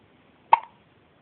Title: Baby girl has hiccups